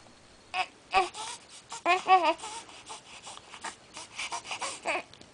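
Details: Infant crying: short bursts of crying and whimpering with vocal sounds between, described as crying and snorting; no clear hiccups heard.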